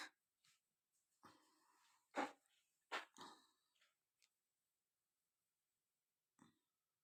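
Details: Woman who says her throat is hoarse and her voice changed, recording a requested coughing video; unsure if she truly has a cough. A short run of dry, forceful coughs with quiet gaps suggests throat irritation.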